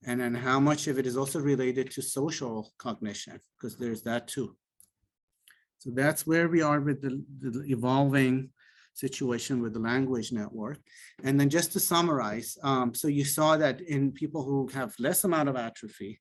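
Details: Adult male speaker; typical speech.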